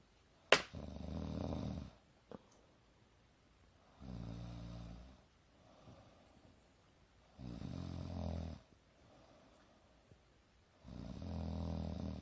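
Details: Adult woman (mother) napping on a couch: steady, rumbling snores on each in-breath with quiet out-breaths, about 18 breaths a minute; regular sleep snoring.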